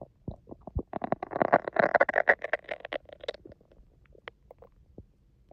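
Bubbling, gurgling stomach rumbles building into a loud growl, then fading to scattered pops; ordinary bowel sounds.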